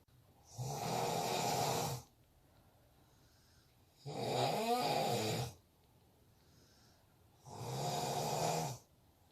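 Three loud, rough snores about 3 seconds apart with quiet gaps between, roughly 17 a minute; one has a rattling, gurgling edge. Heavy snoring.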